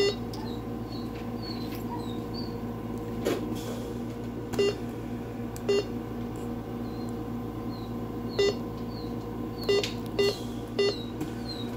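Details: Short single beeps at irregular intervals over room noise and steady hum as a fluid infusion pump is programmed during setup, a clinical skills demonstration.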